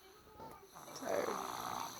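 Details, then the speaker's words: Man snoring while a mother lies trying to sleep: one rough, rattling breath sound that builds and holds through the second half. Snoring during sleep. "Laying here trying to sleep. That man snore."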